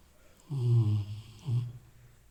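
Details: Sleeping Rottweiler snoring like an old man: two low, rumbling snores in quick succession; ordinary snoring.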